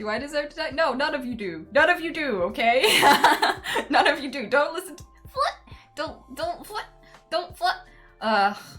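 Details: Vocal tics in an adult woman with Tourette syndrome.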